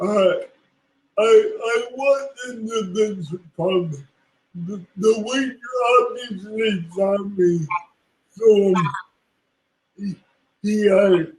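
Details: Woman with cerebral palsy, a public speaker, speaking in an interview; dysarthria (cerebral palsy).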